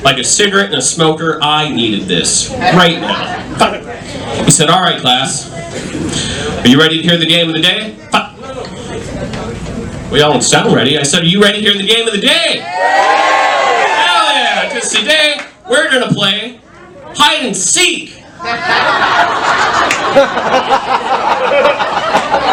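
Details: Adult male comedian with Tourette syndrome, a neurological condition causing involuntary utterances including shouted swear words and tic noises, performing live stand-up; vocal tics (Tourette syndrome).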